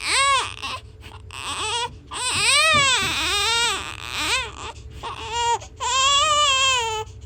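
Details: Loud, high-pitched, vigorous infant crying in repeated strong wails with brief pauses for breath.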